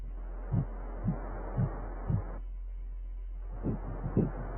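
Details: Fetal heartbeat on ultrasound at 6 weeks of pregnancy: soft, regular whooshing thumps about 118 a minute over a steady hum, with a short dropout.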